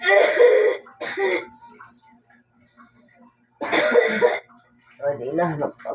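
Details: Several harsh, noisy coughs in separate bursts from a person with a cough and cold, with a voiced throat-clearing sound near the end and a faint steady hum behind.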